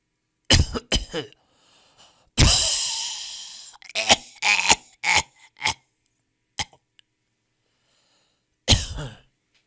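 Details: Coughs from a 10-minute sound-effect compilation of different people coughing in different styles: several separate bursts, including one long, harsh expulsive cough and a throat clearing, in a quiet room.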